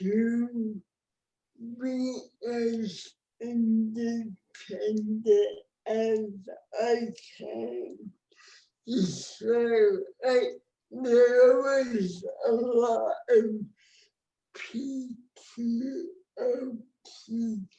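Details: Real speech from an adult woman with cerebral palsy, a condition present since she was born before the ADA; dysarthria (cerebral palsy).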